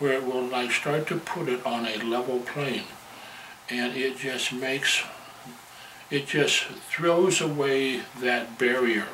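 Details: Adult man who stutters, a member of a National Stuttering Association support-group chapter; stuttering.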